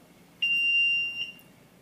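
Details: A single steady high-pitched beep under a second, the power-on tone of a Philips HeartStart automatic external defibrillator, in a fire company AED training demonstration.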